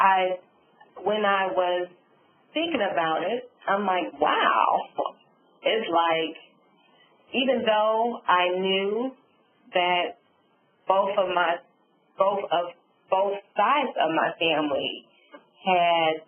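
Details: Adult woman, stroke survivor, with aphasia and apraxia of speech after a subarachnoid hemorrhage and stroke, with word-finding difficulty.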